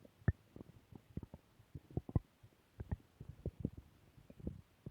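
Soft, irregular low pops and gurgles in a quiet room; stomach growling, a normal bowel sound.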